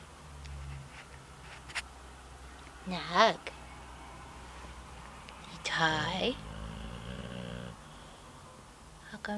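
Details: Snoring with eyes open while very tired: two loud, rough snorting snores about three seconds apart in a quiet room.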